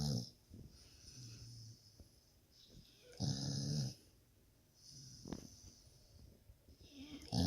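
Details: Sleeping dog snoring: irregular rattling, snorting snores with faint wheezy breaths between.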